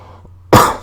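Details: One sudden loud cough after a quiet moment, faint room noise behind, from a person on a live stream who says they are a little ill and their voice is affected; cough.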